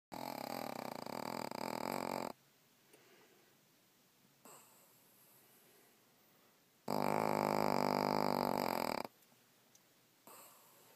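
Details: Pug dog snoring super loud, as it does all the time: two long, loud, rattling snoring breaths separated by quiet pauses during sleep; snoring.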